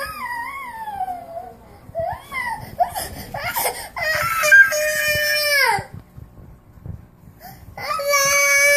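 High, wailing infant crying in bursts with breaks and whimpers between; an ordinary baby cry.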